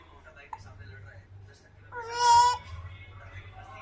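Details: Baby's crying interrupted by hiccups: a short, half-second tonal wail against a low room hum, with faint fussing before and after; brief infant cry.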